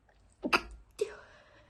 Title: stifled sneezes only cause i had to be quiet